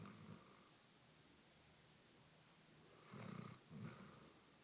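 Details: Basset Hound snoring while sound asleep: low, rumbling snore bursts, one at the start and two close together near the end, with quiet breathing between.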